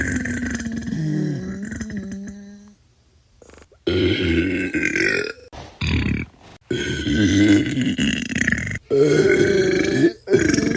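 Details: Sound-effect compilation of deliberate burping: long, deep, rumbling belches, several drawn out for seconds, with short pauses between.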